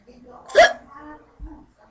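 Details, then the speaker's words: Person with persistent hiccups, jokingly said to have lasted days to months, talking: a sudden sharp hiccup mixed with speech, then a softer second catch; hiccups. "Oh man. Darn it. Those hiccups have been driving me nuts."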